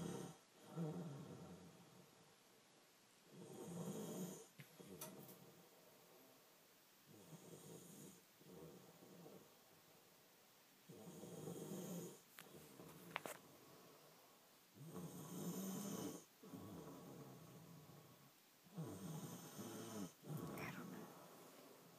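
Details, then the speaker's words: Person snoring while asleep: soft, irregular snoring with rough breaths every three to four seconds, roughly 15 a minute, with clicks and snorts between. "this is you snoring"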